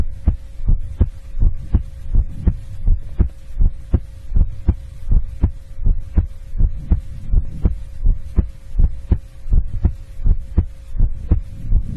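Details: ASMR heartbeat recording: steady, regular low thumping at about 80 beats a minute with a faint background hum; normal heartbeat.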